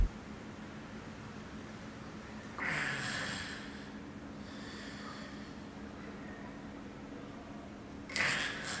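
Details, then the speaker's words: Agonal breathing (gasping) indicating cardiac arrest: two brief, snorting gasps about five seconds apart with silence between them, over a steady low room hum. The gasps become more widely spaced and are a false respiration, not normal breathing. "El gasping o respiración agónica es una respiración falsa. No la confundas con una respiración normal. Estás ante una parada cardíaca."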